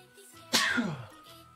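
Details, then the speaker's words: Sneeze (faked) by an adult using Afrin nasal spray: a single sharp, hissing, deliberately faked sneeze burst with quiet room hum around it. "this is the fake sneeze"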